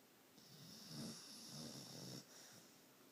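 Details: Sleeping pet snoring: soft, rough snoring breaths in short puffs with a faint high hiss in the background.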